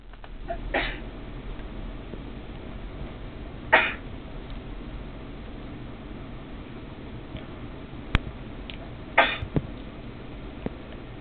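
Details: Three brief, sharp sneezes spaced several seconds apart against a steady background hiss; sneezing.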